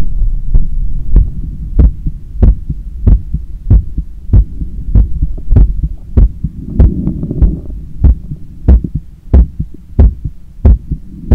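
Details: Heart sounds heard through a stethoscope right after a 10km run, lying on a daybed and leaning on the left side, while trying to control breathing. Loud, strong, regular lub-dub at about 95 a minute over a low hum; normal heart sounds after exercise.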